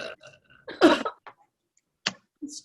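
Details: Loud, drawn-out, rumbling, croaky belch followed by a few short vocal sounds, from a burping contest between two girls.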